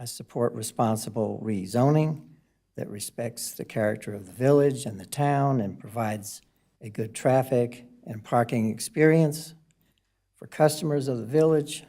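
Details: Adult male speaker; normal voice.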